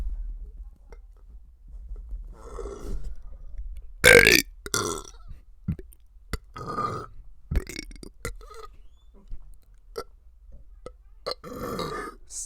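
Series of loud, drawn-out voiced belches shaped into letter sounds, with short gaps between them; deliberate burping.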